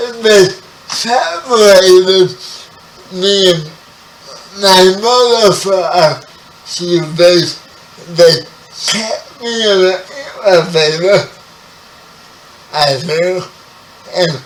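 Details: 30-year-old man with spastic quadriplegic cerebral palsy, born 11 weeks premature; his speech is affected by the condition. Dysarthria (cerebral palsy).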